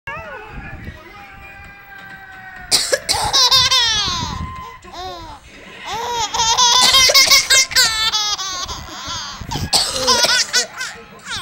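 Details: Mother gives several short, deliberate playful voluntary coughs and an infant answers each with high-pitched giggles and squeals in a small room.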